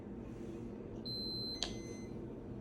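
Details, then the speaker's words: Infinity Moog enteral feeding pump, child's button feeds: steady electronic alarm with a sharp beep over room noise, a no-flow-in alarm from a kinked line between bag and pump, silenced with the Run/Pause button. "it's saying there's no flow in which means that there is a problem coming between from the bag to the pump"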